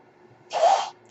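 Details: Mechanical ventilator breath heard during a podcast recorded by its ventilator-dependent host: a single brief rush of air with a faint whistle against quiet background.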